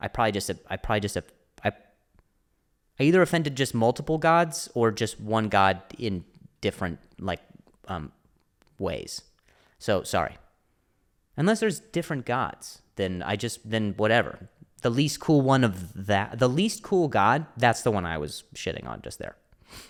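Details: Stuttering, a speech impediment, in an adult male comedian speaking on his solo podcast.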